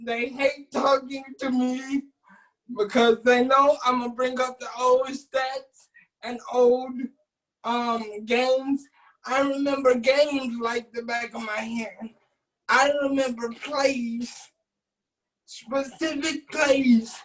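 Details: Adult man with cerebral palsy, wheelchair user, whose family was told at birth he would not be able to speak; dysarthria (cerebral palsy).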